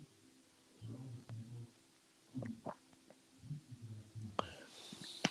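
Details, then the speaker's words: An adult's stomach gives two low, gurgling rumbles, ordinary bowel sounds of digestion or hunger. "i don't know if you guys hear my stomach i don't know if you guys hear that"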